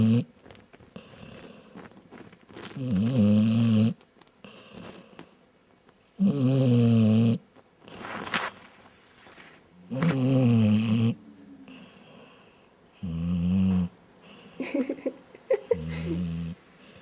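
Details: Dog snoring while still awake with eyes open: loud rhythmic snoring, about five rough low snores at an irregular pace, with quiet breathing between.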